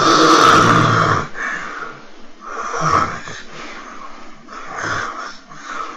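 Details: 26-year-old slim man with day and night hypertension during polysomnography: loud, harsh snoring breaths in quick succession as breathing resumes (ventilation phase) after an obstructive apnea. He had four 30–40-second apneas in 3 minutes.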